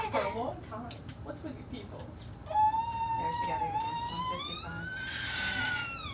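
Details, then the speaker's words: A 14-month-old child has a bilateral Cochlear Freedom cochlear implant activated and hears sound for the first time. Whimpers build into a rising, sustained cry, a common, frightened reaction at implant activation. "you get most kids crying at it very common it's very rare that they don't it's scary CU you're hearing this sound in your head"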